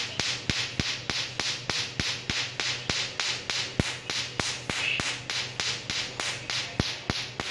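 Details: Tattoo removal laser pulses firing on skin: sharp, regular snapping clicks at about 200 per minute.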